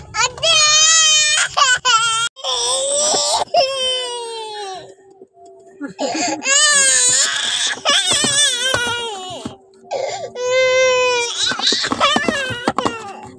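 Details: An Asian baby girl cries in loud, high-pitched wails broken by short gasping breaths between bursts: infant crying.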